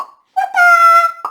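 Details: Adult woman with Tourette syndrome that has worsened in adulthood, with tics that include swearing; she also has lupus, an autoimmune disease. A burst of vocal tics that she says starts when she relaxes.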